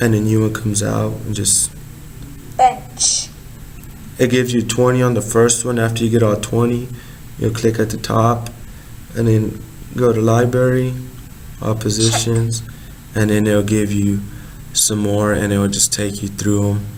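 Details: Adult speaker; normal speech.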